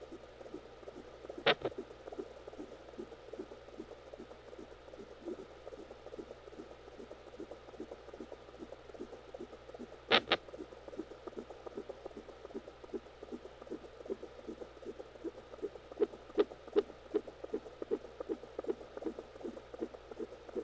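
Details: Home fetal Doppler recording from inside the womb during labor in a twin pregnancy (twin girls): fast fetal heartbeat broken by occasional sharp thumps of fetal hiccups.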